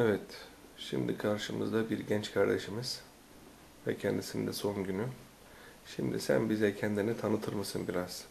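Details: Adult male speaker; no disorder.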